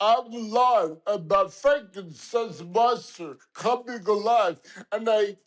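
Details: Adult man with dysarthria from lithium toxicity after lithium given for depression; he suspects a mini stroke; he describes it as a motor-skill problem with speech coming and going in fits and starts; dysarthria.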